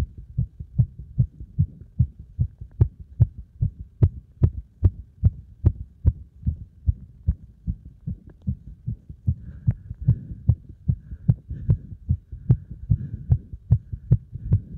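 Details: Fast, regular, forceful heartbeat at roughly 145 beats a minute, a heart pounding under heavy exercise load; a normal rapid rate after exercise.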